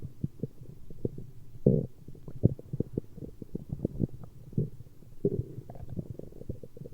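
Soft, repeated low gurgles and rumbling pops run throughout: ordinary stomach growling.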